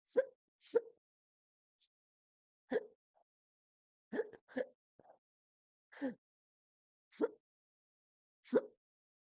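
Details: Induced hiccups filmed from a stomach view: rapid, quiet, sharp gulping sounds, about eight in nine seconds at uneven intervals; hiccups.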